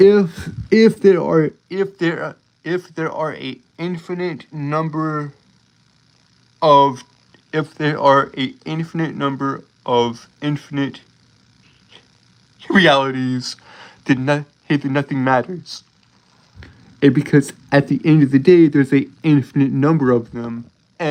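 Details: Adult male streamer with a self-reported speech impediment causing stuttering, with sound and word repetitions; stuttering.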